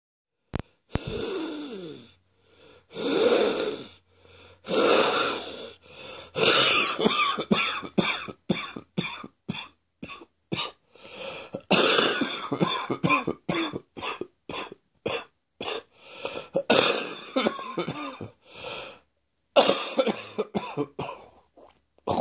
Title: Wheezy Chesty Morning Cough